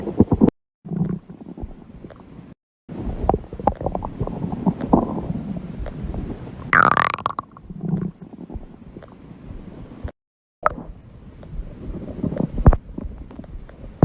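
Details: Long, low rumbling and gurgling with squeaky bubbling bursts from the belly of a person who says she is hungry; stomach growling (borborygmi).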